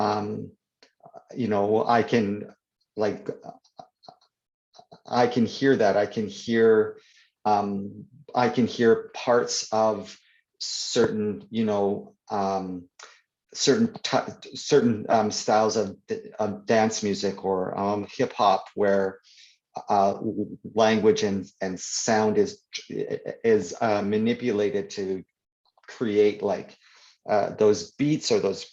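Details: Stuttering (stammering) in an adult man who stutters, real conversational speech; he reports stuttering more when reading aloud than in conversation.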